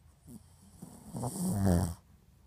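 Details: Yorkie-Poo puppy snoring while napping in a lap: a loud, rattling snore swells on one breath in and fades, with softer breathing around it; ordinary snoring.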